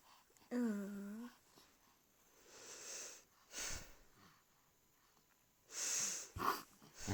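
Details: Infant with a clogged nose being cleared by the father: a short cry, then snuffly, wet nasal breaths and sniffing in a quiet room; noisy breathing through a blocked nose, nasal congestion.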